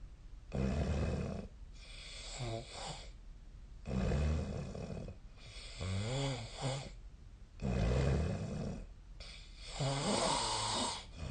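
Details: Snoring during sleep: loud, rattling low snores on each inbreath, with a whistling, wavering sound on the outbreath, at about 17 breaths a minute.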